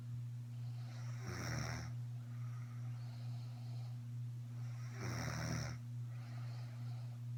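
Two loud, rough snoring breaths about four seconds apart over a steady low hum; ordinary snoring.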